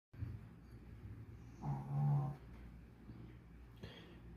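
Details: Sleeping dog recorded at close range: low rumbling snore during a breath, with soft nasal breathing around it; snoring.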